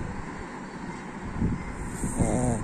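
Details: Snoring from a sleeping pug: low, rattling rumbles rising in two short bursts over faint room noise.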